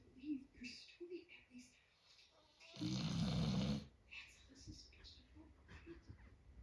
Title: My Luna Doberman Snoring 🥰